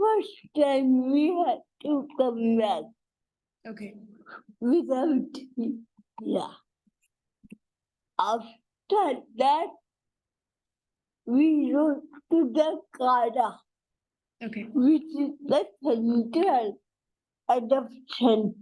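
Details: Adult woman and mother with cerebral palsy: dysarthria (cerebral palsy).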